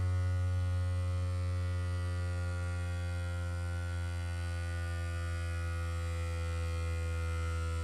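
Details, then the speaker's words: OMRON Pro Logic PL100 upper-arm blood pressure monitor, repeat measurement after two minutes' rest: steady low motor hum with buzzing overtones as the pump inflates the cuff. "so we're going to press the button there'll be a short delay and then you'll hear the blood measure pressure machine start to compress air into the cuff"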